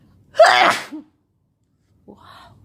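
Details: Sick person with a headache during an all-day sneezing fit: one loud, forceful voiced sneeze with a short trailing sound, then a soft breath.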